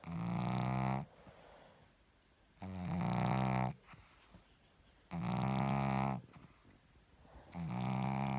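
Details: Sleeping pug: loud, buzzing, fluttering snores, about 24 a minute, fairly regular with quiet gaps; snoring in a flat-faced dog.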